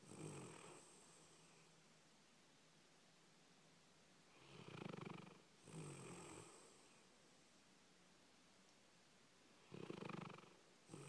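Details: Dog sleeping after a busy day at doggie day care: soft, rhythmic snoring about 11 breaths a minute, snorting on both in-breath and out-breath; snoring.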